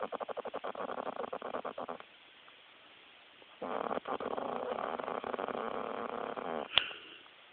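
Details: A chick snoring hard: rapid, fluttering, rattly breathing sounds in two long bursts separated by a quiet gap; snoring.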